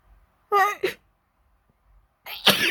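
A short voiced intake, then a sharp explosive burst of air about two seconds later: a sneeze.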